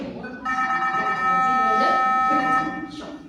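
A steady electronic tone from a manual defibrillator charging to the selected energy, with faint room talk behind.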